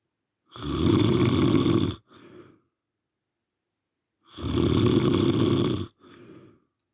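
Two long, loud, rattling snores, each followed by a softer breath out, about one cycle every four seconds, roughly 15 a minute.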